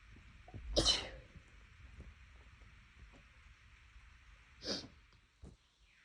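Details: Two loud, explosive sneezes with quiet breathing between over a steady hum, during a series of sneezes that are bigger and louder than usual while the nose has been bothering the person recently, cause unknown.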